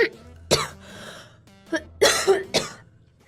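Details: Girl coughing: several short, dry coughs with throat clearing; a tickly, irritative cough.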